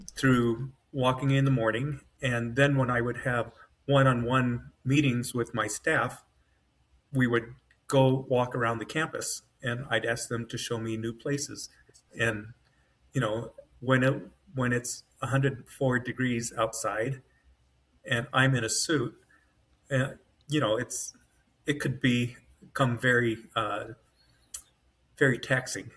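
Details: Adult man with mild-to-moderate aphasia after an AVM brain hemorrhage, surgery and a 10-day medically induced coma. He woke with right-side paralysis, has foot drop, and finds it sometimes difficult to get words out, with his brain working faster than his mouth.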